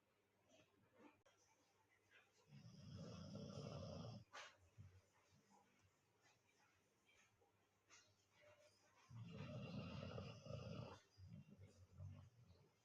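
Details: Golden retriever puppy snoring during sleep: long, low, rumbling snores on breathing in with soft breath noise between them.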